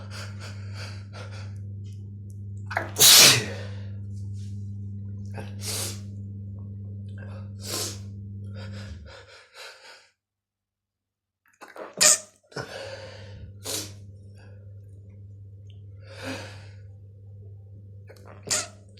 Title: Sneezing Attack!